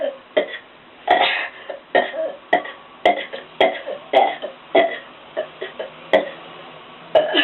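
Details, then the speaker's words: Deliberate voluntary burping in a one-minute challenge reaching about 106 burps, leaving the person lightheaded: a rapid series of loud belches, roughly one or two a second, with brief gaps. "Alright, well, thanks for watching me get 100 burps in a minute."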